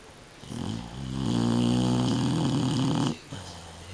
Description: This is my Shar-Pei Sakura snoozing